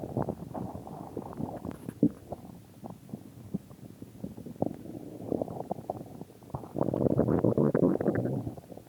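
Continuous low gurgling and rumbling from the stomach, swelling louder near the end; ordinary stomach growling.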